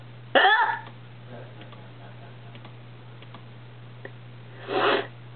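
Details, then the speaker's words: Two loud, abrupt voiced hiccups about four seconds apart over steady background hum, in a person with persistent hiccups that won't go away; onlooker says they sound like gagging. "you sound like you're [ __ ] gagging dude yes that is a hiccup"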